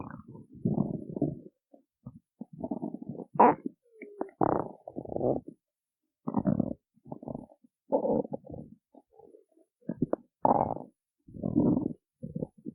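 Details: Loud repeated gurgling belly rumbles, stomach growling from hunger in a performer who had not eaten before a performance.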